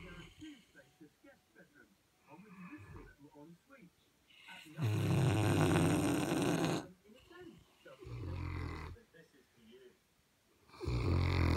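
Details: Two sleeping St Bernard dogs snoring: loud, rumbling snores, some long and some short, between quieter breathing sounds.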